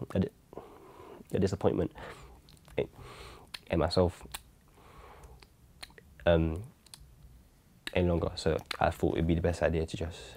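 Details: Stammer (speech impediment) in a teenage male rapper, who says it tends to disappear when he raps.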